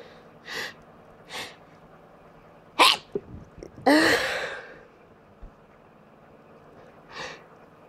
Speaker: Gonna sneeze. Chill. Gonna sneeze. I'm gonna sneeze again.